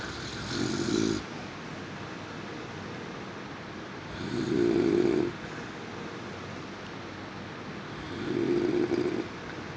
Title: Snoring noises 2